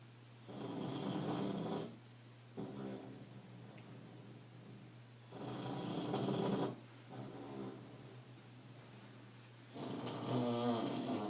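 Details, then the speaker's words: A tired pet dog sleeping after a trip to the mall, with loud, rattling snores on each breath, roughly every four to five seconds, and softer sounds between; the owner says the dog has a snoring problem; snoring. "Mandy went to the mall today and now listen to her have you ever heard a dog snore as loud as that poor puppy"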